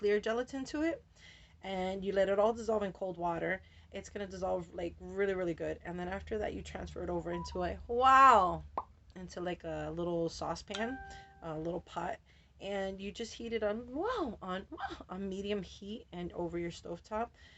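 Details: Adult woman with Tourette syndrome whose involuntary vocal tics ("wow", "whoa") interrupt her speech; she says her tics are very active after a change of medication; vocal tics.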